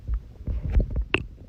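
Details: Low, gurgling, squelchy rumbles with a few brief higher bubbling pops in an ASMR recording: stomach growling (borborygmi).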